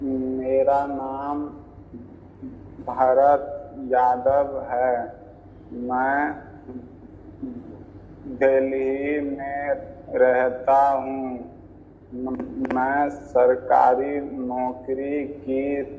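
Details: 26-year-old man introducing himself in Hindi, presented as a result after 3 days of online stammering therapy, with pauses between phrases that may reflect stammering: stuttering.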